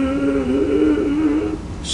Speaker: the way you tell the difference there is there's serious serious drooling with it and the kids are bent over and they're breathing like